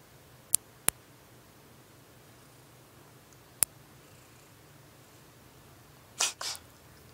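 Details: Female black-and-white cat sneezing repeatedly after sniffing the owner's finger while trying to snuggle: a few sharp, very brief clicks, then a quick pair of soft hissing bursts; cat sneezing.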